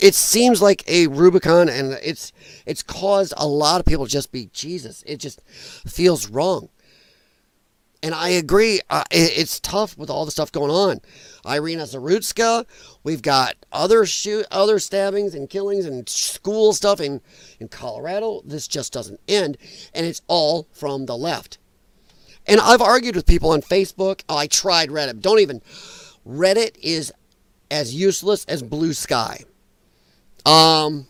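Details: Dysphonia in a man whose vocal cords he says were damaged by infections from his lung problem; he is a former show choir singer and calls it a disability.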